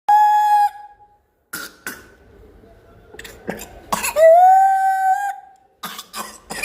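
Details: Child with pertussis (whooping cough): bursts of harsh coughing, each followed by a long, high-pitched whooping in-breath.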